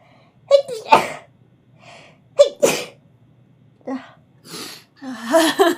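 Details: Streamer fighting their own sneezes: a run of several sharp sneezes with catching breaths between them, some followed by a brief voiced sound.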